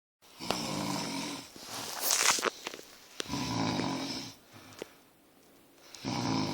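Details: Roommate snoring during sleep: rough, rattling snores on each breath, about three cycles over six seconds, with soft sniffs between.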